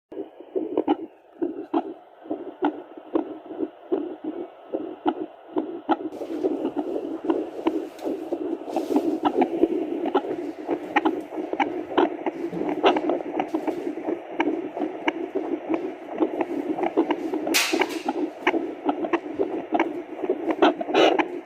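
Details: Edited Doppler recording of a heartbeat: rapid, regular whooshing pulses with hiss from the probe; heart sounds on Doppler.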